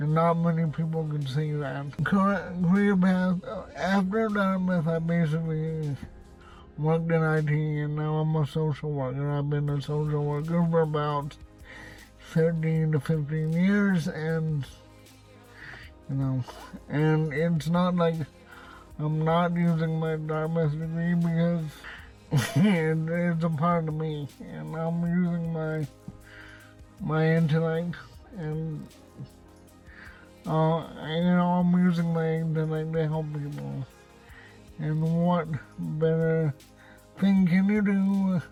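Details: Adult man with cerebral palsy and a self-described speech impediment; dysarthria (cerebral palsy)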